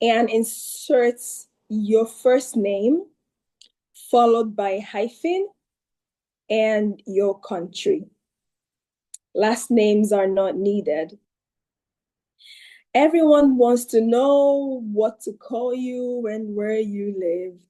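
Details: Adult woman; ordinary speech.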